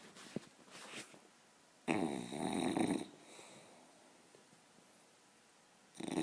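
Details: English bulldog puppy snoring while asleep, loud every time it sleeps: a loud, rattling snore on each inhaled breath, about four seconds apart, with quiet pauses between.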